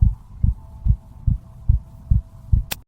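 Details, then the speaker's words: Simulated heartbeat illustrating slowed pulse during sleep: steady, regular low thumps at about 140 a minute, with a faint hum and a click at the end. "Пульс і дихання сповільнюються, серце відпочиває, тіло економить енергію."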